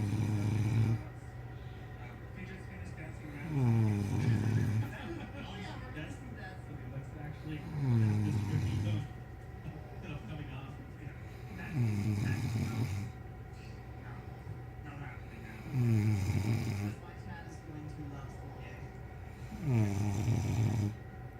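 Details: Someone sleeping next to the recorder gives loud, low, rattling snores recurring about every four seconds over steady room noise; snoring.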